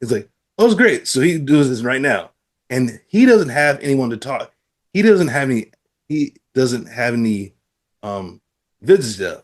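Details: Adult man with aphasia after a stroke who uses app-based speech therapy; aphasia.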